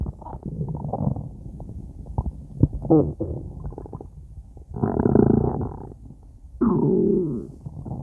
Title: Stomach Growls 7